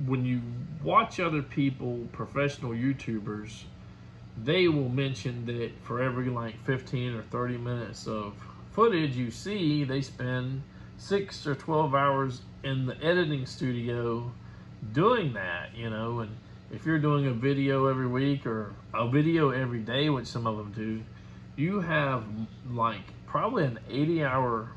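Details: Adult male speaker; normal conversational speech.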